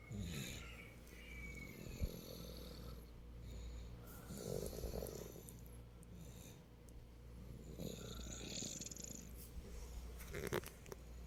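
Low, rumbling snores at a slow breathing pace against a steady background hum.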